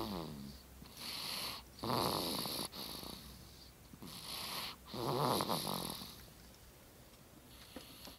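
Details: A sleeping man, recorded off-camera: rough, rattling breathing noises recurring about three times within eight seconds, with quiet pauses between; snoring.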